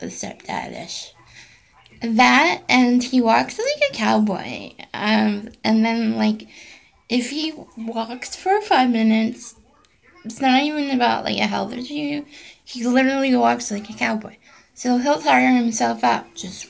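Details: Voice tremor from essential tremor in an adult woman who also has hand and internal tremors.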